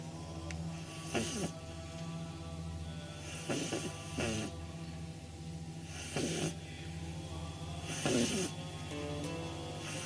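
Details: 9-week-old pug puppy sleeping on her back, eyes rolled back, giving short snorting snores every two to three seconds over steady background music; snoring.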